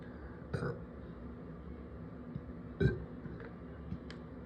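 Two short, low belches over a steady background hum. A brief, quiet burp sound.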